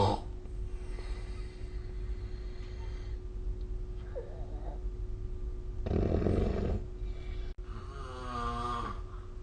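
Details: Snoring recorded with the SnoreLab app: soft, low breathing noises ending in one rough, throaty snore over steady room hum; snoring during sleep.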